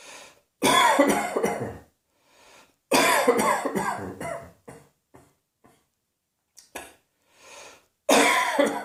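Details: Repeated coughing: three bouts of loud, harsh coughing, each a rapid run of several coughs, with quiet breaths and short catches between them.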